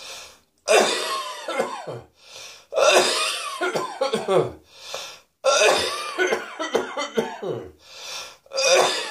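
Repeated bouts of harsh coughing with throat clearing and breaths between, about four bursts; acted coughing.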